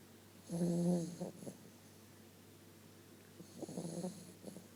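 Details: 8-week-old Vizsla puppy sleeping: two rumbling, snorting snores with a low steady room hum behind; snoring.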